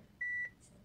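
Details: Single steady quarter-second electronic beep from a Baxter peritoneal dialysis machine after the Go button is pressed, confirming start before the initial drain; a normal operating tone.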